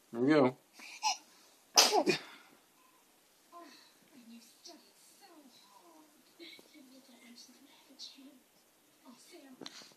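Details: A child's babbling with a couple of sharp, explosive sneezes near the start, then soft babble in a small room; sneezing.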